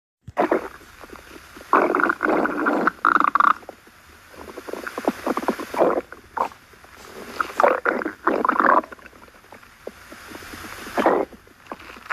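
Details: Stomach growling: low gurgling and rumbling bursts over several seconds, with quiet gaps; borborygmi.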